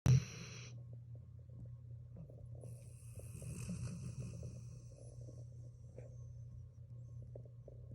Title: rm video#1 dog snores while keeping one eye open.